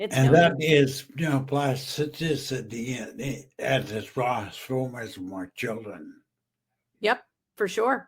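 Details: Aphasia in a male stroke survivor about 15 years after stroke and brain injury; he was once mute, is half paralyzed and uses a wheelchair.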